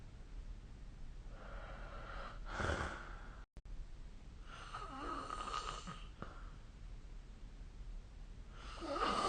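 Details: Snoring during sleep, recorded with the SnoreLab snoring-recording app: rough, rattling sleep breaths recurring every few seconds.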